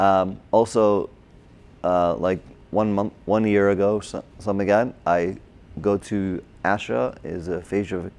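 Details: Adult man, a former paramedic, with Broca's aphasia from a stroke during heart surgery in 2007, about 10 years earlier; difficulty with names, numbers, reading and writing; had OT, PT and speech therapy; Broca's (expressive) aphasia.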